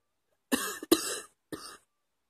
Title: # 29 coughing at 2 AM